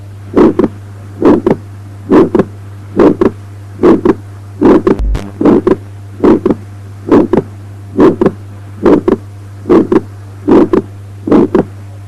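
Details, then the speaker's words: Atrial septal defect heard in the pulmonary area, about 71 beats a minute: a harsh ejection systolic murmur with wide fixed splitting of S2. "Atrial septal defect in the pulmonary area, a harsh ejection systolic murmur with wide fixed splitting of"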